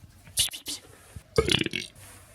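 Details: Cat burping: two short, throaty burp-like sounds in a quiet room with faint voices nearby.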